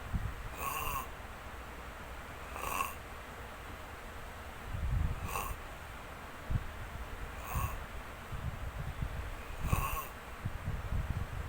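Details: Long snoring: repeated rasping, fluttering breath noises about every two seconds, roughly 26 a minute.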